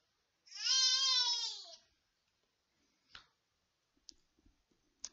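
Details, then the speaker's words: Baby girl crying at her mother after taking off her sock: one sustained infant cry with a clear falling pitch, then quiet clicks; she has a cough a doctor called normal for her age. "my baby girl crying at mama because mama was asking her why she took off her sock"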